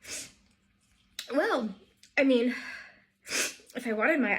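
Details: A run of three or four sneezes, each a sharp hissing burst with a voiced cry, in a small room while applying eyeliner; a sneezing fit.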